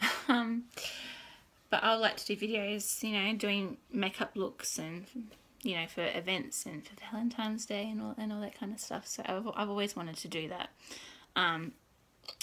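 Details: Adult woman with stuttering since birth, worse when tired; very tired on the recording day; stuttering.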